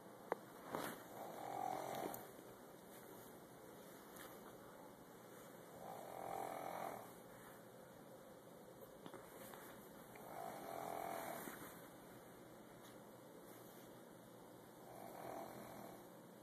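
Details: Grandmother snoring during sleep, described as loud; soft rhythmic snores roughly every four to five seconds over steady room hiss.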